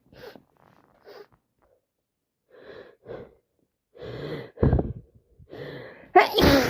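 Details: Someone with a severe cold: hitching breaths build into loud, forceful sneezes; repeated sneezing during a cold.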